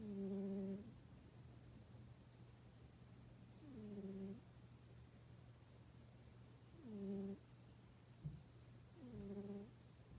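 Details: Sleeping cat snoring: soft, buzzy snores in slow breaths, about four in ten seconds, over a steady low hum of room noise.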